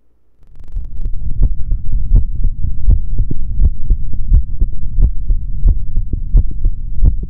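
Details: Adult male heartbeat through a stethoscope: steady paired thumps over a constant low rumble, normal heart sounds.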